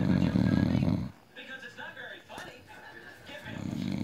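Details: Drunk, passed-out adult man sleeping with loud, deep, rumbling snores and quieter gurgling breath sounds between them; heavy snoring.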